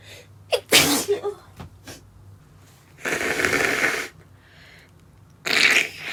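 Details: Stifled sneezing attack in a woman, triggered by sawdust while woodworking: a run of held-back sneezes, sharp catches and hissing bursts through a closed mouth and nose.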